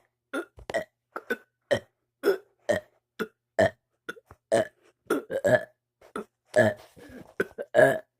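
A rapid run of about seventeen short, voiced belches with brief pauses between them; repeated burping.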